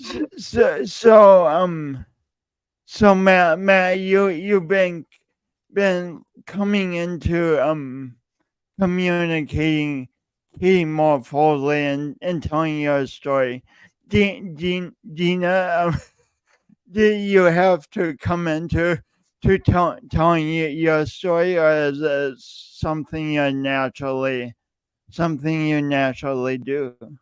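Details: Male podcast host who says his speech impediment is audible every time he speaks; part-word and word repetitions; stuttering-like disfluency.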